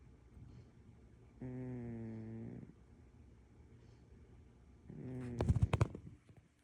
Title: Snoring cat. #cat #catcute #catsrock